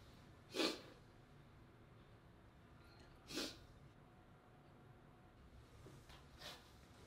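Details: Three short, sharp sneezes about three seconds apart, the last one softer, in a quiet room.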